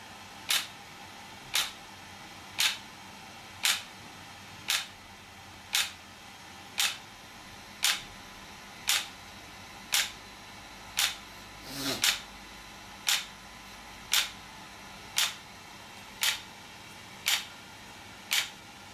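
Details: Sharp, evenly spaced snapping clicks at about 57 per minute over a steady low room hum: pulses from an ESWT shock wave therapy device demonstrated for muscle and bone pain relief.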